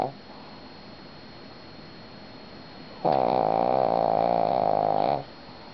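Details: Sleeping Shih Tzu dog: after a quiet stretch, one loud, fluttering, rattling snore lasting about two seconds; snoring.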